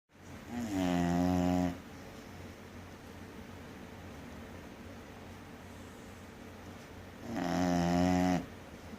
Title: 3 year old English Bulldog snoring hard...